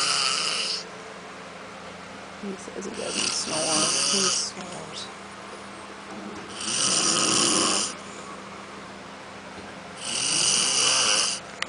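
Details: Husband snoring while asleep; his wife says he has snored for 10 years, worse at night, though he denies it: loud, harsh, rattling snores every three to four seconds, with a faint background voice.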